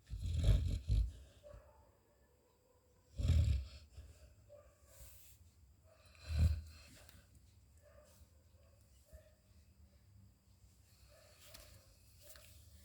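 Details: Sleeping Labrador dog snoring: low, rumbling snorts in three main bursts with softer breathing noises between them.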